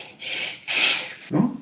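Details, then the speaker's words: Mouth imitation of a pleuritic blow: over consolidation, vesicular murmur is absent and replaced by laryngotracheal sound with an 'e'-like timbre, heard as soft, breathy blowing sounds. "No voy a escuchar murmulio vesicular porque hay condensación, pero en su lugar voy a escuchar el ruido laringotraal, pero con un timbre ya en e."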